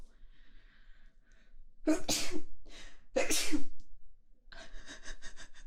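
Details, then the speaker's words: Two forceful sneezes in quick succession, each preceded by a short intake of breath, from someone who has sneezed about a hundred times, perhaps from being in the valley. "I don't know if it's being in the valley or what, but I've sneezed like a hundred times."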